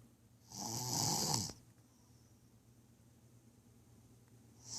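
One loud, rough snoring breath lasting about a second, then quiet room noise with the next breath starting at the end.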